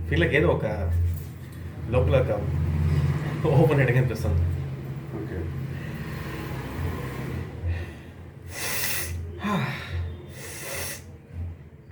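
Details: Patient during a cranial facial release and chiropractic session, with tissues handed over, forcing a few loud, noisy bursts of air through the nose amid speech and room noise; afterwards reports complete clearance inside the nostrils; snorting.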